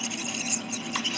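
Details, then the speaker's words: Steady high-pitched hiss and whine of an ultrasonic dental scaler with water spray, used at and just under the gum line during a veterinary dental cleaning of an anesthetized animal patient. "so whenever you go to the teeth you want to get right on the gum line make sure you get a little bit under"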